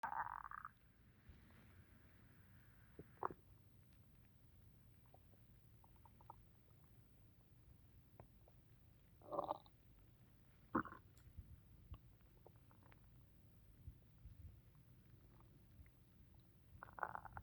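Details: Stomach rumbling after drinking tea: scattered gurgles and croaky bubbling sounds over a quiet background, active bowel sounds; borborygmi.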